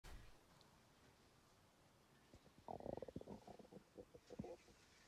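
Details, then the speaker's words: TV comedy scene, character's stomach growl, which she blames on NutraSweet and suspects is trapped gas: low gurgling, rumbling rolls from the belly, stomach growling (borborygmi). "sorry it happens whenever I have nutrasuite it's probably just trapped gas"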